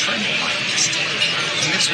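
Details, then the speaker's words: Simulated steady café babble with clattering and hiss as heard through hearing aids with mild noise reduction, for a listener with a mild ACT value of 5 dB: café background noise through hearing aid noise reduction. "elle a donc moins besoin de traitement de signal dans son appareil auditif pour gérer les bruits écoutons comment çaave le bruit dans son café"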